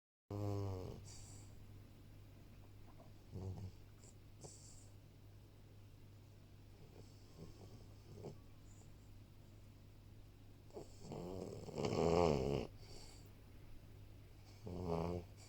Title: snoring in my office